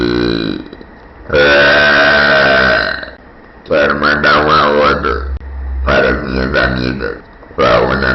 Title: Girl Burps And Talks